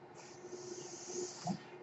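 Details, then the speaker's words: Mechanical ventilator sound heard during a podcast recording, which the user identifies as their own ventilator. "hello everyone my name is that noise you're hearing is my ventilator and welcome to page-turners"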